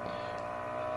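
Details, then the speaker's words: A Qardio Arm automatic blood pressure cuff inflating during a reading that gave 129/88 with pulse 75: a steady soft mechanical hum of a small pump. "die Blutdruckmanschette pumpt sich auf und wir sehen hier auch, auf welchen Druck die aufgepumpt wird, gerade eben."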